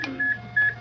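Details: Two short electronic beeps from a defibrillator set for synchronized cardioversion, marking the heartbeats the shock is timed to, in a female patient said to have atrial flutter, possibly atrial fibrillation; charge apparently 100 J.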